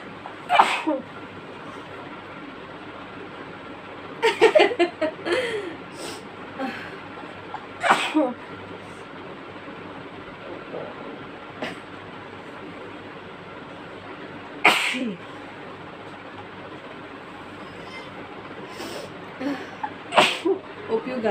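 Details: Sneezing fit in sisters after sniffing chikni powder: about seven sharp sneezes over twenty seconds, some in quick pairs, with voices and background hum between.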